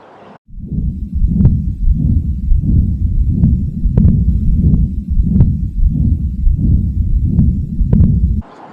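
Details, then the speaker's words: Continuous murmur over a new hemodialysis arteriovenous fistula above the left cubital fossa with a palpable thrill, in a patient with probable renal oedema: loud, low, continuous whooshing bruit with pulsatile surges about 92 a minute. "A continuous murmur can be appreciated."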